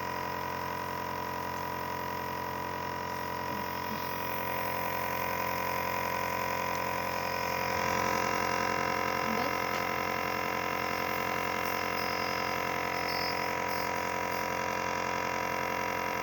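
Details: Steady mechanical hum and buzz of a running nebulizer compressor during a baby's nebulizer breathing treatment for cough.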